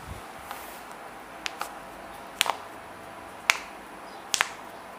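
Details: Joint cracking (cavitation) during a chiropractic full-body manual adjustment, with the patient told to breathe out and relax: several sharp pops and double cracks over a steady room hiss.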